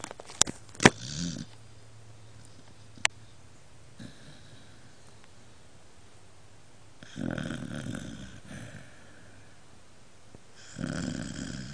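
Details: Dog snoring, snores too loud: a few soft knocks, then two loud, rough, rattling snores in a small, still room.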